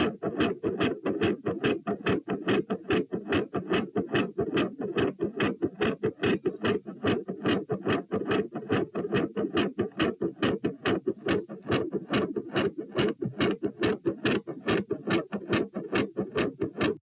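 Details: Heart sounds recorded at position P while standing up: fast, regular rhythm near 143 a minute with a quiet S1 and loud S2; tachycardia.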